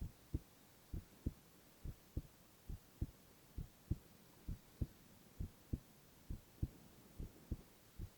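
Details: Male (boy) heart sounds in a silent, no-talking ASMR recording: clear paired heart sounds at a steady pace of about 70 beats a minute over a soft hiss; normal heartbeat.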